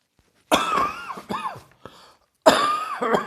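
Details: About five harsh, voiced, throaty coughs in two short bouts in a quiet room, after a heavy chest cold; cough.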